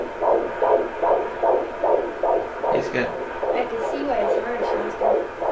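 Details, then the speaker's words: Doppler at a doctor's office picking up an unborn brother's heartbeat in a pregnancy with two babies: fast, regular whooshing pulses about 150 a minute, likened to a treadmill, over brief voices; normal fetal heartbeat. "were you happy to hear your brother's heartbeat was it neat it was kind of like you're going on a chair though it sounded like someone had a treadmill"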